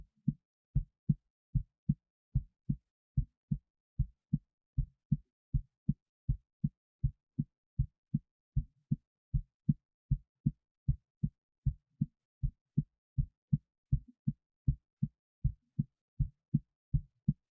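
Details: Own heartbeat recorded while excited, before a 25 lb weight was placed on the left chest, with an EKG set up: steady low lub-dub heart sounds at about 78 beats a minute; normal heartbeat.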